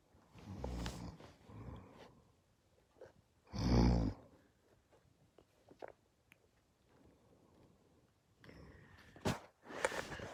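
Irregular low rumbling breath noises with one louder rough burst near the middle, consistent with snoring in a quiet room.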